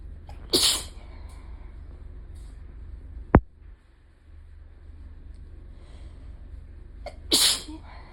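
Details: Two sharp hissing sneezes a few seconds apart with a quick click between them, from a series of gradually intensifying sneezes that the sneezer feels change from beginning to end; sneezing.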